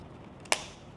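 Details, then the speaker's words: A single sharp plastic click as the air tube connector seats into an Omron HEM-7124 automatic home blood pressure monitor: tube connector click. "อันดับแรกเลยนะคะทุกคนให้สังเกตตัวท่อลมตรงนี้นะคะหลังจากนั้นเนี่ยให้ทำการใส่เข้าไปได้เลยนะคะแล้วจะได้ยินเสียงคลิก"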